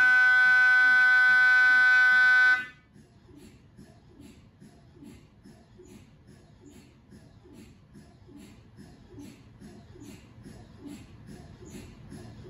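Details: MRI scanner noise recorded inside the scan room of a GE Healthcare 1.5T or 3T system: loud steady electronic tone, then rhythmic soft knocking pulses as a sequence runs.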